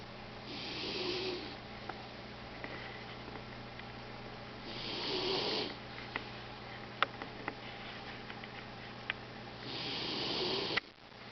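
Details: Pet dog snoring loudly while asleep beside a computer: three soft, hissing snores about five seconds apart, roughly twelve breaths a minute, with faint clicks between.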